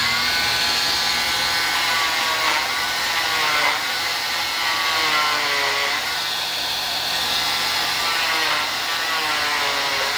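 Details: Cast saw cutting the top part of a molded fiberglass arm cast during a removal demonstration: high, whining motor buzz with shifting pitch as the blade bites. The wearer reports feeling little during the cut.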